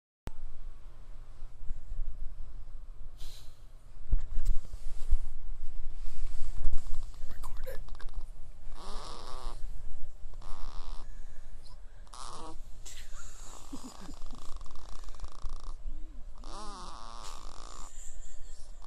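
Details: Soft, irregular rattling breaths with a low snore-like flutter over background noise: a snoring baby.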